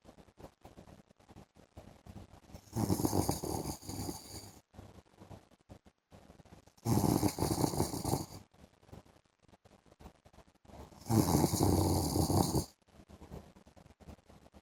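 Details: Adult man, a husband, snoring during an afternoon sleep: three harsh, rasping snores about four seconds apart, roughly 14 breaths a minute, with faint room noise between.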